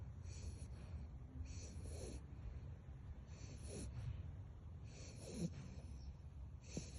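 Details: Sleeping American Staffordshire Terrier puppy: soft, low snoring breaths, about four cycles in seven seconds, with a faint snorty noise on each breath. Snoring.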